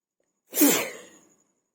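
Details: A single sharp, explosive sneeze in a quiet room, from a sneezing and nose-blowing challenge.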